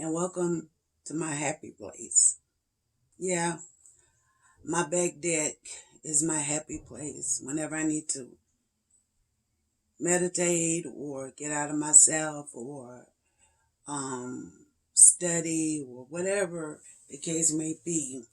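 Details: Woman aged 56 with spasmodic dysphonia and voice tremors, treated with neck injections paralyzing laryngeal muscles every three months, last a little over two weeks before; voice cracks, hard time getting words out; spasmodic dysphonia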